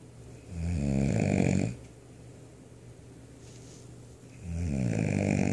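Two loud, rough, rattling inspiratory snores a few seconds apart, with a low vibrating buzz; heavy snoring.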